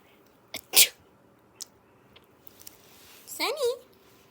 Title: Cat hates sneezing #cats #sneezes #funny #funnycats #funnyanimals